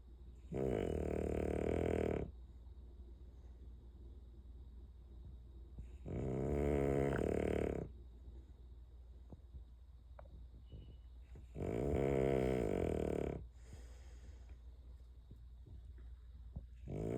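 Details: Bulldog snoring in sleep after lights out: loud, rattling snores about every five to six seconds, each lasting over a second, with quiet breathing between.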